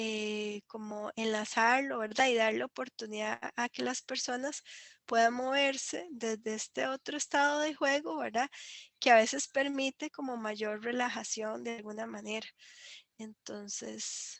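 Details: Adult woman speaking Spanish; normal voice.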